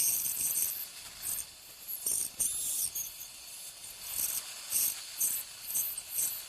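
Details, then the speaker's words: Piezoelectric ultrasonic bone saw cutting crestal osteotomies with light sweeping strokes during dental sinus surgery, near the canine root: high-pitched hissing, rasping bursts in short runs. "very little pressure just more of a sweeping motion and uh this saw cuts vertically as as well as as sagittally so it you gives you a two-dimensional in ision I just switched it's the same the same concept it's a bone saw"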